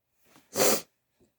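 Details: Sneeze induced with a tissue: a brief indrawn breath, then one explosive, hissing burst of air and a faint after-sound.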